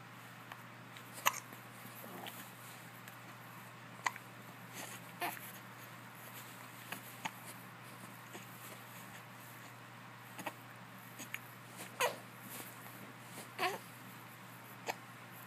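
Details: Soft repeated hiccups: faint, sharp, brief clicks recur every second or two against a steady room hum.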